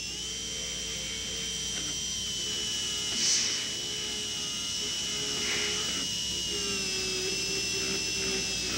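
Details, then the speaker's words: Slow-speed contra-angle handpiece with number 55 bur extending and flattening the axial wall of a Class I buccal pit preparation on the lower right first molar (tooth 30): steady high whine with louder bursts as it bites. "We now have the number 55 burr in a slow speed contrangle that will continue now the extension and the flattening of the axial wall."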